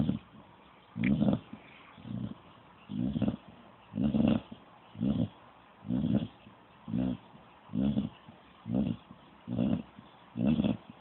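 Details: A sleeping dog makes steady, low, rattling snores roughly once a second, in a regular rhythm; dog snoring.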